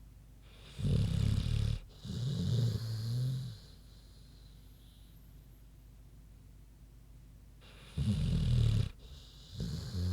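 Paired grunting snores, a harsh in-breath and a rumbling out-breath, separated by a long quiet pause; a pig snoring in sleep.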